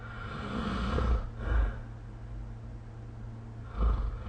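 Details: Snoring recorded with the SnoreLab smartphone app: low, rough snoring noises during sleep, two close together and then another a few seconds later.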